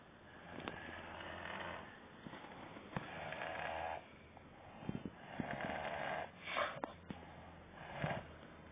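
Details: Snoring: several slow, rough breaths with a low rattle and snorting catches on some breaths.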